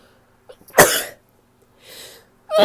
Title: sneezes (f)